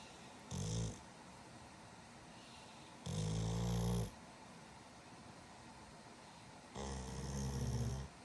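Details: Male Pitbull snoring hard while asleep: three deep, rumbling snores at a slow, steady rhythm of about fifteen breaths a minute over a steady background hum.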